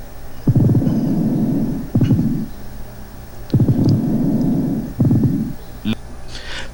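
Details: Patient with tuberculous pleuritis: rough, grating, creaking rub with each breath in and out, like two irregular surfaces rubbing together. Pleural friction rub.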